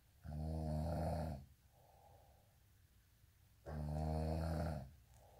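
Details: Two long, deep vibrating snores on breathing in, each followed by a softer airy breath out: steady snoring.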